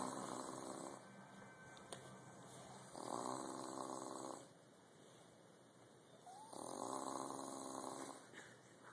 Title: Passed out....snoring..!